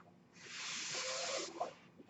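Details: Single steady airy hiss of about a second, rising and fading: air delivery from the speaker's own mechanical ventilator as he speaks.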